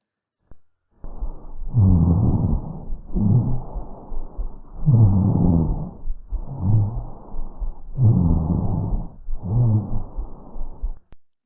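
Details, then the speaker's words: Rhonchi in a patient, demonstrated in a nursing lesson on respiratory rate: coarse, low-pitched rumbling breath sounds from secretions moving in the larger airways, most noticeable on expiration. "ruidos similares a roncus ahí va el primero presten atención en la espiración si el paciente inspira y cuando aspira ahí se escucha el movimiento de secreciones"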